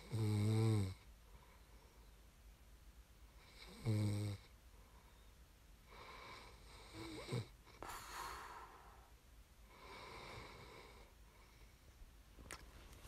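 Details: ASMR snoring recording made for listening to fall asleep: irregular sleep snoring with two deep buzzing snores, then softer breathy ones with a brief snort, in a quiet room.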